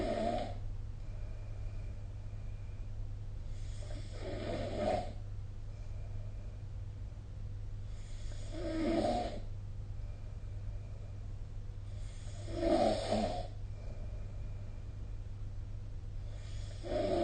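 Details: Snoring recorded with the SnoreLab app: rhythmic snores about every four seconds, roughly 15 breaths a minute, over a steady low hum during sleep.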